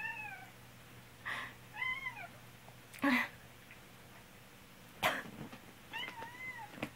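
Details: Adult owner with a cold gives about three short, harsh coughs, each followed closely by a black cat's meow, over faint steady room hum; a plain cough.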